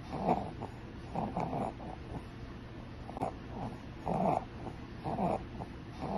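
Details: Child with coarse, rattling snorts with each breath, a snoring-type noise (rhonchi) from partly blocked upper airways, presented among abnormal breath sounds in babies and children.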